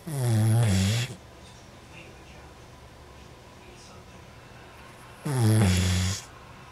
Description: sawing some logs, turn up the volume to get the full effect!!!!